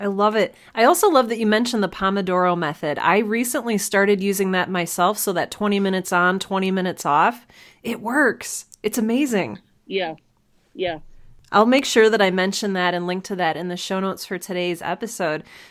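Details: Adult woman speaking, podcast conversation; normal speech.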